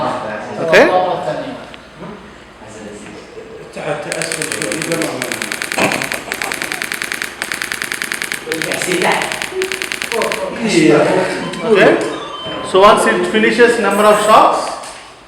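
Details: Radial shock wave therapy unit set to low intensity, starting from 500 shocks, pulses in bursts, applied to a painful area in a physiotherapy practical: rapid sharp rattling clicks, roughly three per second, alternating with talk; device firing.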